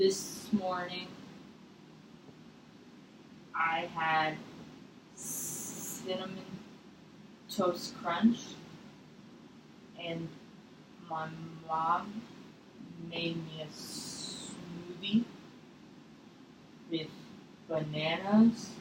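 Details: Acted stuttering: someone role-plays a six-year-old client in a therapy session, stuttering mostly at sentence beginnings with eye closing, facial tension and chin tucking; the clinician prompts noticing the stutter.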